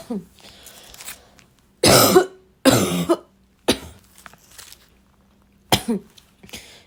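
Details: Dry barking cough: five harsh, dry, hoarse cough bursts, several in quick pairs, amid throat clearing and snorts; barking cough.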